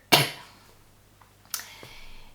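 A single sharp cough burst, followed by a softer second sound, in a quiet room.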